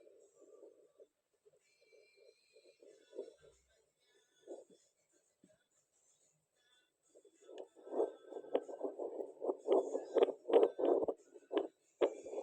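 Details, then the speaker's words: Handheld fetal Doppler placed on a non-pregnant person's own belly: scratchy, irregular whooshing of stomach and movement noise, with no fetal heartbeat. "kalian mendengar bunyi seperti itu, berarti itu bunyi perut atau sesuatu yang lain."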